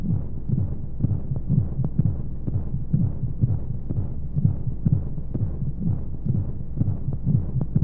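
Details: Womb sound played as a baby sleep aid: muffled, whooshing low beats at about 125 per minute with regular rhythm under steady rushing white noise and flowing sounds; heartbeat.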